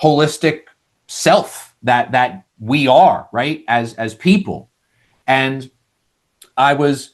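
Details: Adult male with lifelong stuttering showing as vocal-cord blocks, managed with speech techniques such as airflow technique; this stretch has repeated words.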